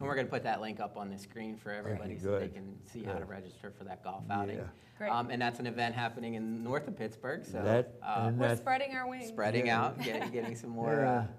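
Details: Adult man speaking; typical speech.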